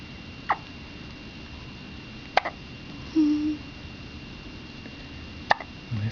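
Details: Newborn baby girl on the day she was born, who often had hiccups in the womb: three brief, sharp hiccups spaced a few seconds apart, with a short soft infant vocal sound between them; hiccups.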